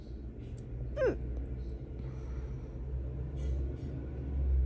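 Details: Single hiccup: one abrupt, pitch-falling hiccup over steady low rumbling background noise.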